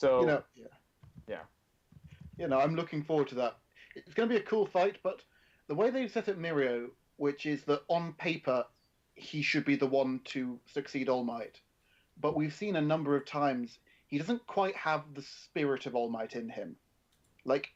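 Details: Adult man; ordinary speech.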